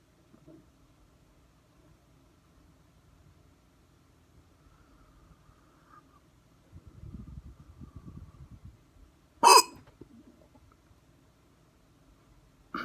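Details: Hard hiccups, recorded with the camera focused on the neck: one sharp, abrupt hiccup with a short catch of breath, another starting at the end; quiet room, faint rustling.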